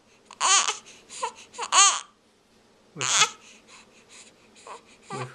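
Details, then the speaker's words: Infant crying in short, high-pitched wailing bursts separated by pauses, with fussy whimpers in between; the baby had hiccups earlier. "oh are you crying what's wrong you don't want to be on tv"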